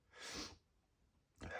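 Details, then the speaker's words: Male having a run of strong sneezes: two forceful, wet, hissing bursts of air, the second starting as the clip ends. "Going to sneeze. I got to eat. My goodness. Oh my god. These are so strong."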